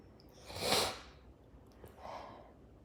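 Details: Person sneezing into their shirt: one loud sneeze muffled by cloth, then a short sniff and softer nose blowing; a single ordinary sneeze.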